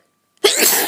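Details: A single short, breathy cough after a moment of silence, from an adult feeling run down and ill, with sneezing; cough.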